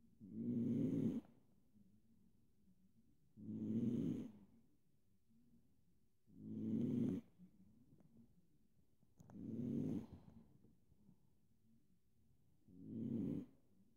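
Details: Sleeping cat with one eye open: five regular, buzzing snores at about 20 breaths a minute with quiet pauses between; loud snoring in sleep.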